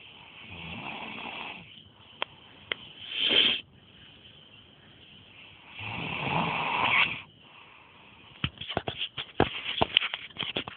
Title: Snoring